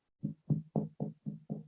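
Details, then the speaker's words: Resonant percussion note over a chest, demonstrated in a lecture on blunt chest trauma; resonance indicates a full, expanding lung, unlike stony dullness from fluid or blood, or the hyperresonance of a pneumothorax. "That's resonant. I know my lung is full and expanding."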